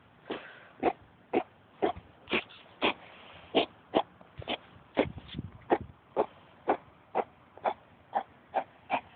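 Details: Female dog recently spayed, moving around better, with kennel cough in full swing: long run of harsh, honking coughs, about two a second.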